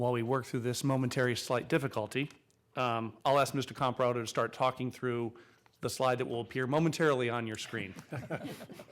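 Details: Adult man speaking; Normal voice.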